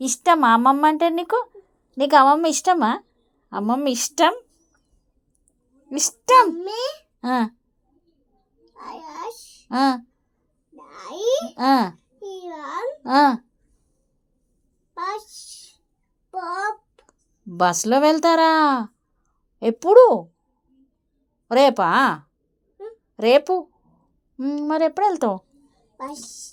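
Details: Conversational Telugu speech with a therapist from a 3-year-old child with a cochlear implant, after one year of auditory verbal therapy.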